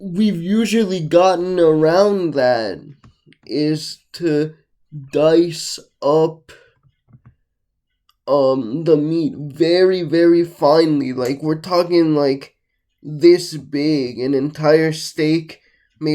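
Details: Adult male with cerebral palsy, with tightness in all muscles including neck and vocal muscles, slightly slurred speech and difficulty swallowing large chewy food; dysarthria (cerebral palsy).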